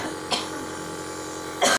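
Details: Two short cough bursts in a quiet room from a child with an ongoing cough despite three steam inhalation treatments; a sibling is also coughing.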